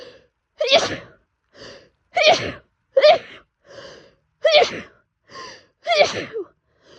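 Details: Person allergic to cats, house-sitting with four cats, in a full-body allergy attack with hives despite double allergy medication: four rapid sneezes, each preceded by a short gasping in-breath.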